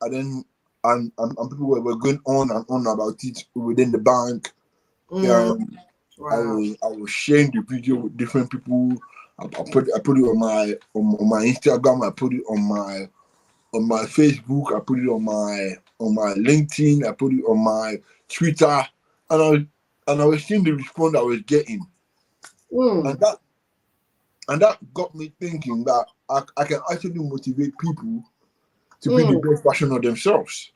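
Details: Adult man born with cerebral palsy affecting brain areas controlling movement and speech, which he attributes to high bilirubin at birth; dysarthria (cerebral palsy).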